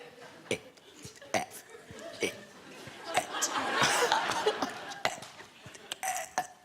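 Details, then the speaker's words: Woman deliberately burping the alphabet on a TV talk show: a run of voiced burps shaped into letter sounds, with studio chatter and laughter. Voluntary belching. "it's the only thing I can think of I can burp the alphabet we haven't had that yet tonight"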